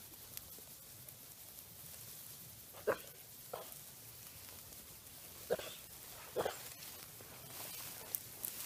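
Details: Katahdin ewe lamb, new to the farm, coughing fit lasting about one minute; flock necropsy showed lung consolidation from mycoplasma pneumonia: a run of short, harsh coughs, about five in several seconds.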